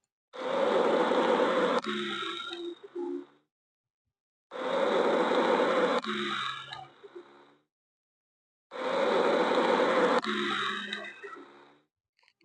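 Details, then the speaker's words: Rhonchi on stethoscope auscultation of a patient: three breaths at about 14 a minute, each ending in low-pitched snoring, rumbling continuous sounds, a low-pitched variant of wheeze. "जो अभी आपने सुना यह एक रकाई के patient का ऑस्कन है जो कि लो पिच जज को रिप्रेजेंट करता है"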